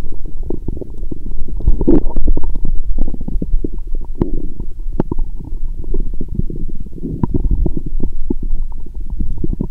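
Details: Lying down after drinking many lactic acid bacteria drinks, very active bowel: frequent gurgling, bubbling and clicking abdominal sounds through a stethoscope; borborygmi.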